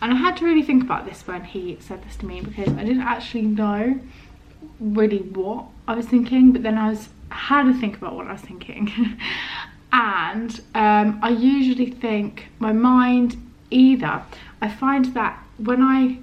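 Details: Adult woman with a stammer, described as mainly non-repetitive with prolonged words, blocks, occasional first-part word repetitions and body tension, reported as worse today due to stress; stuttering.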